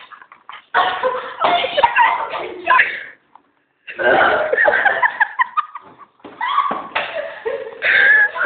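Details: Burping: long, drawn-out voiced burps in three runs, shaped almost like words, with brief pauses between.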